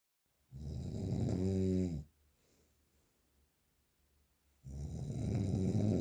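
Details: Very strong snoring, real analog recording without post-processing: two long, loud, rumbling snores with rattling vibration separated by a quiet pause; heavy snoring.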